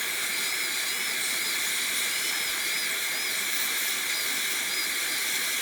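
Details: High-speed dental handpiece with a slightly dulling bur, cutting light guide cuts and the rough occlusal reduction on typodont tooth #18 for a gold onlay in a simulation lab: a steady high-pitched whine with hissing suction.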